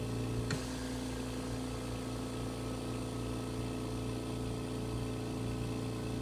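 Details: Oxygen concentrator running normally during preventative maintenance check: steady low mechanical compressor hum with a single click near the start.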